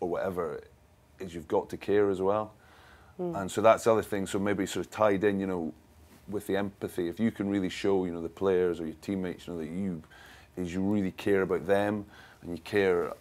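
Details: Stammering in an adult, a former rugby captain.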